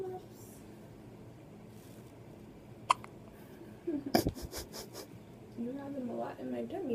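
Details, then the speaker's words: Child with hiccups: a sharp catch in the breath, then a small cluster of abrupt sounds and soft child vocalizing in a quiet room, with an adult asking about the hiccups. "Do you have the hiccups? Sure. The hiccups. You got the hiccups. Yes, you do."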